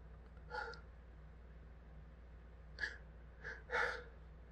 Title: Pepper/spice hitchy sneezes